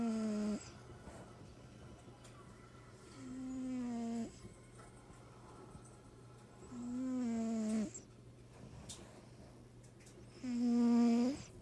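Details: Cat snoring while asleep: slow, drawn-out whistling, buzzing breaths, about 17 a minute, with a steady low hum behind.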